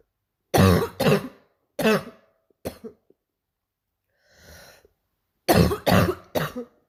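Harsh, deep coughs in two clusters, an adult's practiced imitation of a barking cough.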